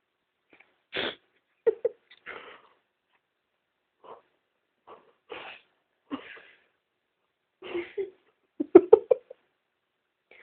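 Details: Repeated attempts at a sneeze that never fully comes: short airy bursts and snorts with small squeaky, cute noises.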